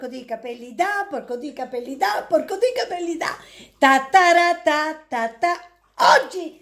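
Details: Involuntary vocal tics, including repeated phrases, from a woman with Tourette syndrome; she says singing stops her tics.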